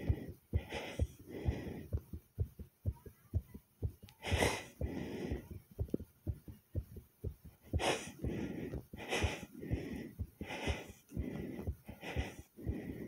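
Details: Self-recorded heartbeat with loud breathing: fast, forceful low thumps near 120 a minute that go from fast to slow while still pumping hard, possibly with a few skipped beats.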